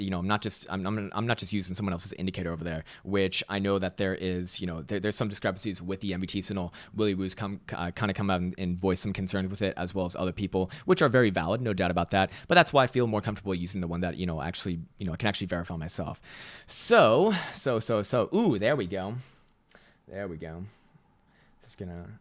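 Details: Stuttering in a male speaker who reports his own stutter and finds it annoying and embarrassing.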